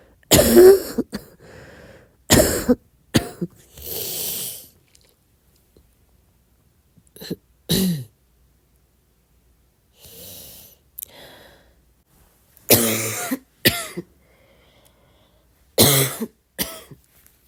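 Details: Soft coughing at midnight: a series of short, mostly soft coughs with a few throat-clearing sounds and pauses between them, in a quiet room.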